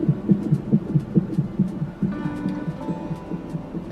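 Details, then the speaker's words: Rapid, regular whooshing thumps at about 140 a minute from a fetal monitor in the labor and delivery room during labor induction, with faint room noise: fetal heart rate on monitor. "we're monitoring you literally from right here that's your heartbeat look"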